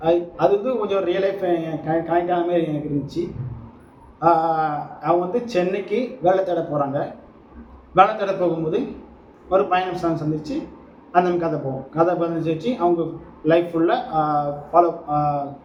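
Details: Adult male Tamil speaker who says he is a person who stammers, speaking spontaneously; stuttering.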